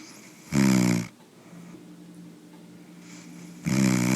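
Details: Man snoring during sleep: two loud, rough, rattling snores about three seconds apart, with a quiet whistling breath in between.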